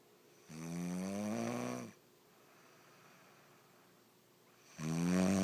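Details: Person snoring while asleep: loud, buzzing snores on each breath in, about 1.5 seconds long, with quiet pauses between them.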